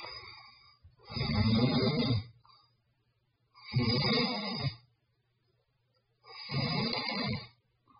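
Three loud, rough, rattling snores on the in-breath, about four seconds apart, with quiet pauses between them. This is snoring.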